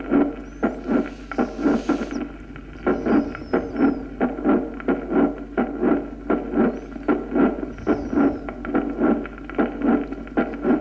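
Regular heartbeats at about 79 a minute, each followed by a rising, harsh late systolic murmur: mitral valve prolapse with a crescendo late systolic murmur.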